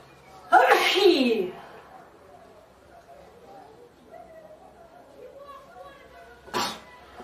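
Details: One of four girls sneezes with a loud, drawn-out sneeze, then quiet voices, then a second, shorter sneeze: sneezing.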